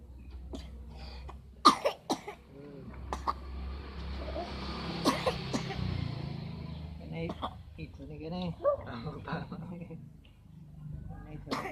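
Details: Child who is sick with a cough gives a few short, sharp coughs amid household talk and room noise.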